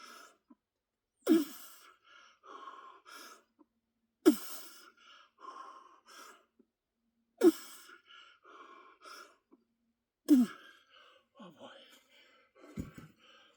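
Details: Adult wheezing after a shoulder workout set of push presses, attributed by him to mucus in airway or upper lungs; heavy post-exertion breathing with sharp intakes and whistling musical tones on expiration.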